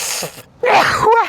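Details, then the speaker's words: Adult man holding back a sneeze while talking: a brief airy breath burst, a pause, then a short voiced groaning noise he makes to stop the sneeze. "So basically excuse me I'm going to sneeze."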